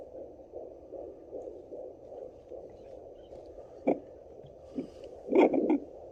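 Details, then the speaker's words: First-time home fetal Doppler with gel on the mother's belly: fast, regular whooshing fetal heartbeat, read on the device at 140–149 and about 145 a minute, then probe scraping; fetal heartbeat on Doppler. "Don't hear baby's heartbeat? Mm-hmm. That's baby's heartbeat."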